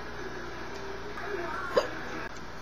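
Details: Woman hiccuping while starting to tell a story: one short, sharp hiccup, an abrupt catch of breath, against a steady background hum.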